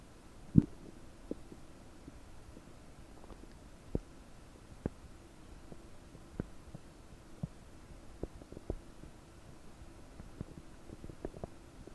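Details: Gurgling abdomen about 9 hours after eating 30 prunes, recorded with a desktop microphone, feeling very bubbly and bloated: quiet steady hum with scattered short pops and gurgles, i.e. frequent active borborygmi.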